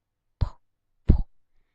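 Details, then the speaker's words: Cuff above the elbow and stethoscope over the artery below it, heard during slow cuff deflation: two soft, low thumps about 0.7 seconds apart. Korotkoff sounds. "So you'll hear these sounds of korotkoff, and what that means is that you can hear"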